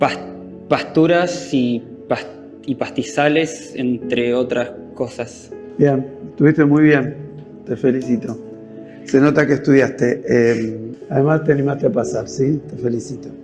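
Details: Adult speaker (Spanish) with background music; ordinary speech.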